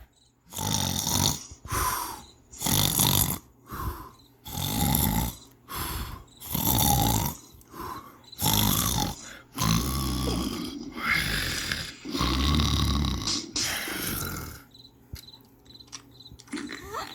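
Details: Person snoring: loud, rough, rattling breaths in and out, about 16 cycles a minute, uneven in strength; heavy snoring.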